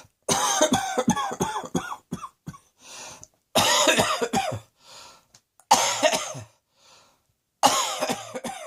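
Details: Adult with four bouts of repeated harsh coughing, each a quick run of several coughs, with brief wheezy inhalations between bouts; repeated coughing.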